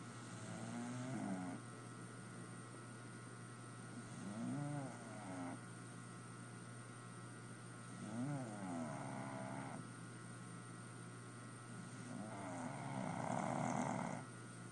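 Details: Afternoon nap near an air conditioner: four slow rumbling snores about 4 seconds apart, each a rough vibrating breath, over steady room hum; snoring.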